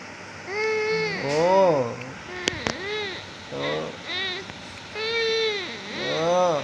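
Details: Infant crying in rising and falling wails in repeated bouts with brief pauses, an adult voice soothing at times in Hindi.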